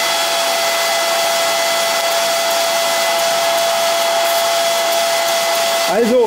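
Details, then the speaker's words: Nosiboo Pro baby electric nasal aspirator switched on at its lowest setting: loud, steady motor whine with a constant hum like a hair dryer; sounds loud though suction is modest. "das hört sich schon jetzt sag mal sehr laut an aber die saugkraft die ist wirklich nicht so groß aber völlig ausreichend um dann ja das was in der nase ist nicht hingehört damit dann raus zu saugen"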